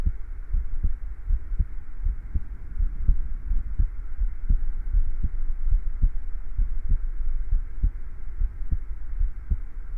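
Steady, regular heartbeat at about 82 beats a minute, with even thumps over a low hum.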